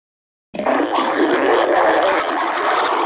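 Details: Continuous gurgling, rumbling growl from a hungry child's stomach, ordinary hunger borborygmi.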